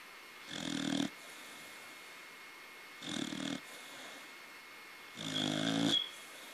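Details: Young corgi snoring: three long, rough, rattling snores on inhaling, spaced a few seconds apart over steady room hum; ordinary snoring.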